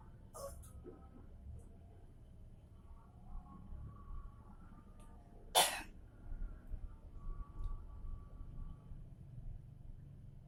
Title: Jika batuk tapi dahak Y ke luar seperti ini....